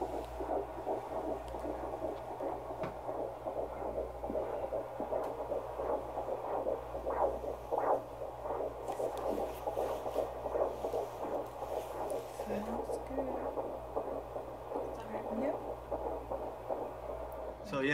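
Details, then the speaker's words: Fetal heartbeat at 11 weeks of pregnancy: rapid, soft whooshing pulses under a steady hum, with faint voices in the background. "in the best part we also got to hear the heartbeats we did it was awesome"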